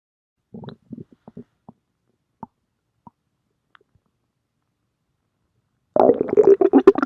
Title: stomach growling